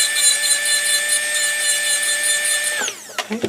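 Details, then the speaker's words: Acrylic bur on a dental handpiece trimming excess chairside processing resin around a Locator housing in a complete denture: a steady high-pitched grinding whine that winds down after about three seconds. "so i'm going to go ahead and grab an acrylic bur i typically like to use a bird that has that type of shape just to clean off this excess right in here"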